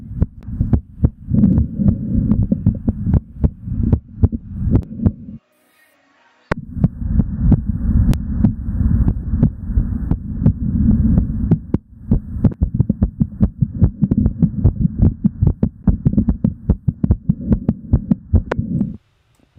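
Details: Heart sounds of an adult man recorded live while exercising; normal heart sounds at a fast rate.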